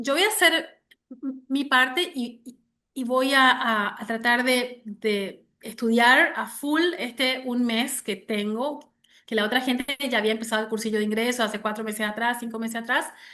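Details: Adult woman who has stuttered since age 6, onset linked to her parents' divorce; severe in childhood, now mild (about 80% fluency) and cyclical, mainly blocks; word repetitions heard; stuttering.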